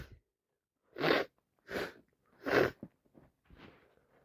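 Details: Person with a worsening head cold, recorded in a work staff room: three forceful, wet-sounding sneezes about a second apart, followed by sniffing and nasal noises.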